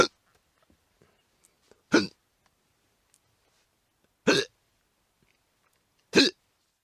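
Three short, sharp gulping bursts about two seconds apart against silence, a sound-effect recording of hiccups or burps.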